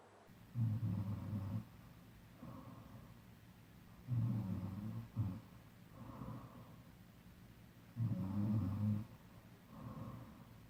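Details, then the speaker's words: Adult snoring during sleep before taping the mouth shut with Scotch tape: low, rattling snores on each breath in, about 16 breaths a minute, with softer breathing out between. Snoring. "먼저 스카치 테이프를 붙이기 전에 코골이 소리 입니다"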